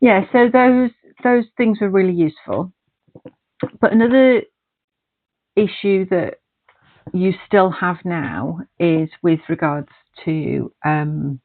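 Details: Adult woman speaking; typical speech.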